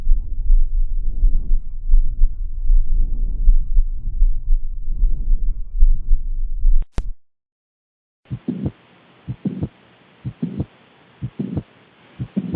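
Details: Lung and heart auscultation: low, muffled rhythmic thumps, then a quieter stretch of distinct paired heartbeats at about 70 a minute; normal heart sounds.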